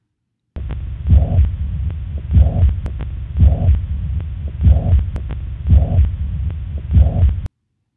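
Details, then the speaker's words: Teaching audio clip of mitral regurgitation: a holosystolic murmur, with a steady heartbeat near 52 a minute and a continuous blowing murmur filling the space between beats. "so mitro regurgitation is a holos systolic murmur let's listen to mitro regurgitation right"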